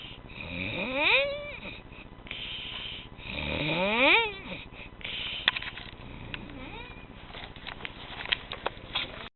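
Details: During nap time, high squeaky whistling snores rising in pitch with each breath, about 20 a minute, against room noise; snoring.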